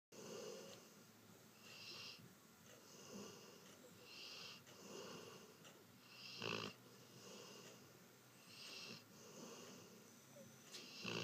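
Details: Slow, rhythmic rasping breaths during sleep, about 13 a minute, with a fluttery noisy quality: snoring.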